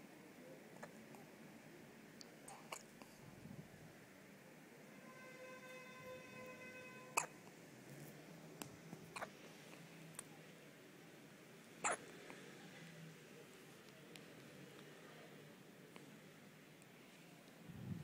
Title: My baby hiccups